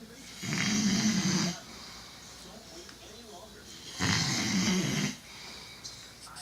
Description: The loudest 2 minute snore.